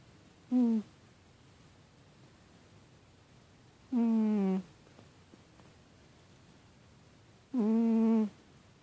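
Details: Cat snoring with paws over his face: three squeaky, whistling nasal snores spaced a few seconds apart; snoring.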